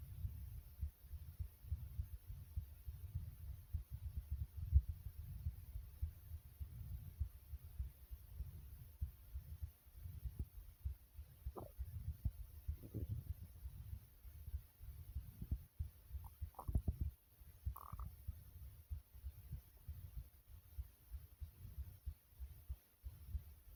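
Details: Heartbeat the person deliberately made fast: rapid, muffled low thumps of a quickened heartbeat, with a few brief rustles and squeaks.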